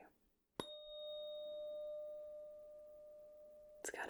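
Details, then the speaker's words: 512 Hz tuning fork used for a hearing test in a simulated ASMR physical-exam roleplay: a sharp tap, then a clear, steady high-pitched ring that slowly fades. "a tuning fork and this is for our higher pitch sounds so this one is 512 Hertz and it's going to be pretty high pitched"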